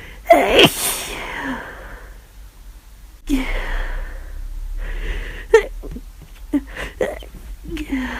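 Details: Several forceful sneezes with sharp intakes of breath between them, recorded over about half an hour. The sneezing is repeated during flu, with near-constant nasal itching and aching from frequent sneezing.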